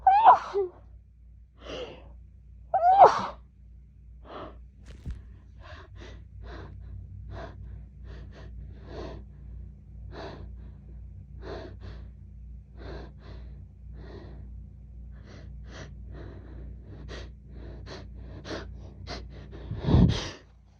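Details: Woman's sneezing fit during fall allergy season: two loud sneezes, then a rapid run of about twenty short, muffled sneezes, ending in a louder one.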